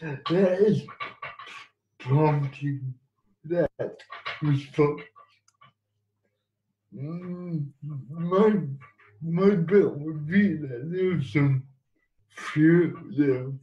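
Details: Adult man who has lived with cerebral palsy and used a wheelchair most of his life, speaking in an interview; no specific speech disorder named; speech of a person with cerebral palsy.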